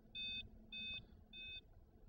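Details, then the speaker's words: ZOLL Real CPR Help feedback monitor during CPR training in a lab: three evenly spaced electronic beeps alerting that chest compressions are too slow (an "R" shows on screen) and prompting the rescuer to push faster. "notice these compressions are too slow as evidenced by the r on the screen and the audible alarm push"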